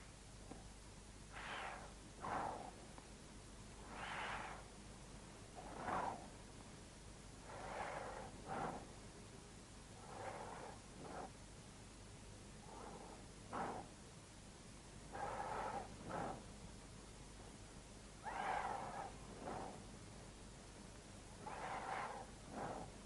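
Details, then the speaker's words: Normal vesicular breathing auscultated over symmetrical lung areas: soft, rustling breaths, heard during inspiration and the first third of expiration, caused by vibration of alveolar walls; longer inhalation, short faint exhalation. "в норме над симметричными участками легких выслушивается везикулярное дыхание напоминающие звук она возникает во время вдоха и в первую треть выдоха вследствие колебаний альвеолярных стенок"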